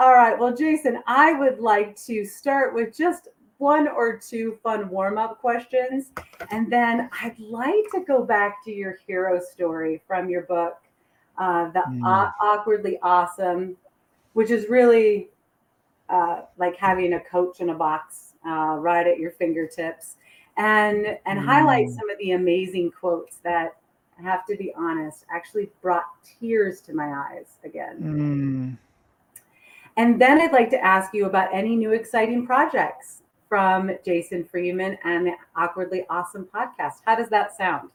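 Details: Adult woman speaking; normal speech.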